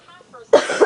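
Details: Adult's sudden loud, harsh cough with a second pulse at its end, made while sick; Bay reportedly jumps at the coughs when it is quiet, though not when the cougher is talking.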